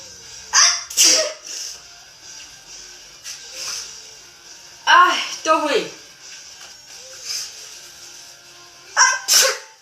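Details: Repeated sneezing from someone saying they have sneezed constantly, perhaps from being in the valley: several sharp, explosive bursts with rising inhaled lead-ins over quiet room noise and faint background sound.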